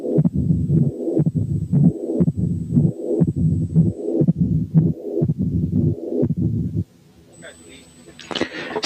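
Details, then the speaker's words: Teaching recording of combined mitral stenosis and mitral regurgitation at about 60 a minute: accentuated first sound, pansystolic murmur, second sound, opening snap, then rumbling mid-diastolic murmur. "أخيرا نسمع حالة فيها combination من mitral stenosis و mitral incompetence."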